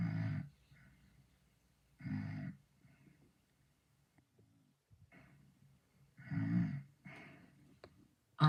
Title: LOOK WHAT I DID TO THE BIRCH STD COUNTDOWN’S SNORING EFFECT!!!!!!!